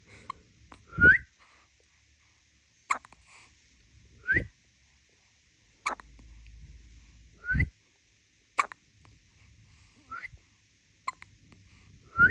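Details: Newborn girl with repetitive hiccups: abrupt hiccup sounds about every three seconds, alternating with short whistles from her mother.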